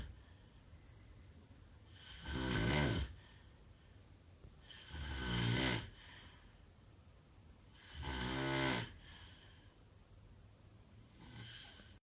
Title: My bro can Snore